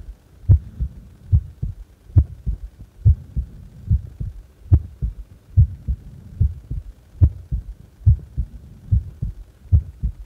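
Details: Resting heart, doing nothing: regular paired heartbeat thumps at about 71 beats a minute; normal heart sounds.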